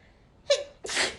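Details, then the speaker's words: Adult woman on a live stream who blames pollen for repeated sneezing: a quick inward gasp followed by a sharp, hissing burst, a single sneeze. "でもさ、くしゃみがすごくて花粉がくしゃみ出た。やば。ごめんね、みんなうるさかったらくしゃみ。"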